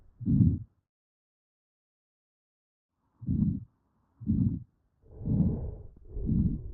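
Low, muffled thumps through a stethoscope, about one a second after a brief silent stretch.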